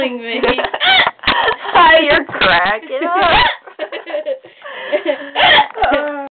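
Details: Hiccups during laughter: bursts of laughing broken by sudden sharp voiced hiccup gulps; she later had to be taken to hospital for lack of oxygen.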